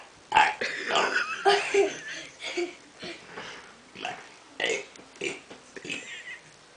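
A run of short, throaty belching sounds from a child in a quiet room, with light giggling between them.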